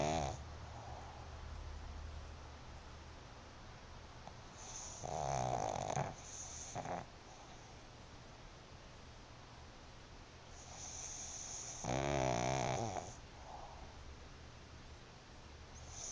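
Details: A sleeping small dog snores loudly, with two clear rumbling breaths in a quiet room.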